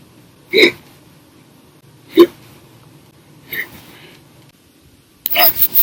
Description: The Violent, Little Loud, Silent, Minute Hiccups lasted 1 Hour and 51 Minutes for 6/1/19 after drinking 1 bottle of soda after Dinner.